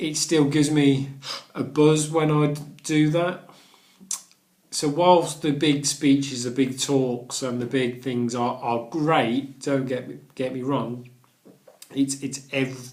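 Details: Adult man who stammers and has completed the Starfish Project stammering course; speech with word and phrase repetitions; stuttering.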